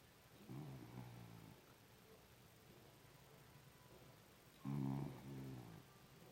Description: Pocket pittie snoring